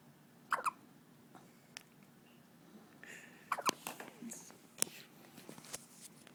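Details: Several brief, squeaky, chipmunk-like gulps a few seconds apart from a four-day-old baby girl, over quiet room noise; ordinary newborn hiccups.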